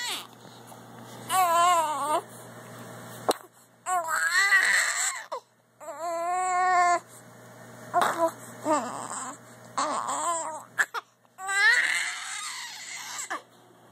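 Repeated wailing cry bursts with breaths between them, in a small room with faint background hum.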